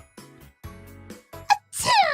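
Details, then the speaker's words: Woman's half-held sneeze during a livestream, half the sneeze held in: short voiced build-up, then a burst and loud, high-pitched explosive release; sneezing. "She's only half sneezing. Only half She's holding half of the sneeze in."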